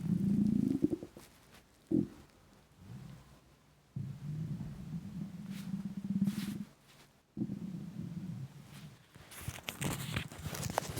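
Long, low gurgling and grumbling rumbles in bursts with brief pauses: loud stomach rumbling from hunger.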